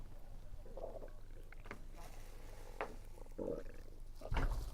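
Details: Stomach rumbling while eating, heavy on a low-pressure weather day: low gurgling and rumbling from the abdomen with a few soft chewing noises; ordinary bowel sounds (borborygmi).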